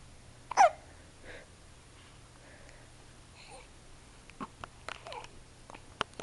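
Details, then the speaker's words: Short, sharp, jerky catches of breath recurring at intervals amid faint babble in a quiet room; a young child with hiccups, which they get daily, usually when staying up late. "hey everybody on my blog just wanted to say hi I have the hiccups and I get them every day but usually that's when I stay up and hang out with my mommy and make videos for my blog"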